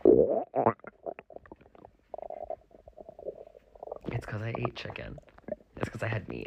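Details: Borborygmi in a male after eating a lot: irregular gurgles, squeaks and low rumbling bursts with quiet gaps, recorded with a microphone placed close to the abdomen.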